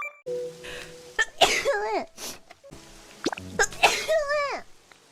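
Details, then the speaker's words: Two sharp sneezes, each followed by a voiced falling cry, from a VTuber streamer, over steady background music; ordinary sneezing. "I need to sneeze. I'm about to sneeze."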